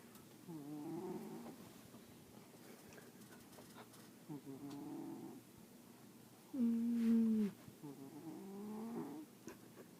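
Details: A sleeping cat snores softly with rumbling snores, about one every three seconds, in a quiet room.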